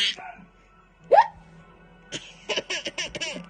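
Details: A single sudden voiced hiccup from a young child, between bits of child babble and an adult's voice in a quiet room; hiccups.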